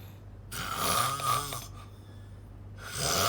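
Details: Loud, rough, rattling snore on an in-breath, then a quieter pause and the next snore starting; heavy snoring.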